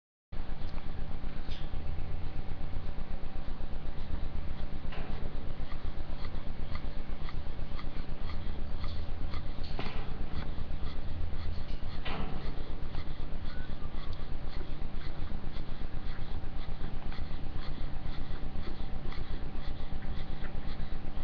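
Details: Very fast, steady panting breaths, about 240 a minute, with a faint whistling wheeze: wheezing and panting.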